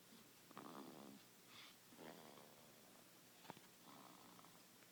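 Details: Child asleep in a car seat: soft, rattling snores with each breath, a few seconds apart, with a small snort; light snoring.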